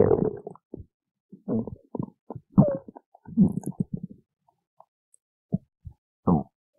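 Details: Stomach growling (borborygmi): irregular gurgles, squeaks and bubbling pops from the belly as gas and fluid move through the gut.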